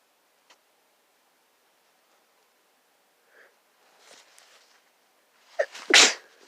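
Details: One loud, forceful sneeze from a sick person who had been ill for days, preceded by soft breathy sounds and a quick catching inhale.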